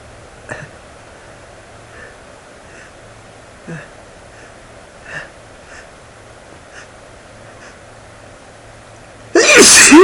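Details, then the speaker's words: Quiet room with a few soft catches of breath, then one sudden loud sneeze from a stuffy man. "it's all my few doubles with only inducing one you know usually when I induce I get like one that I have to do it again so I was kind of cool"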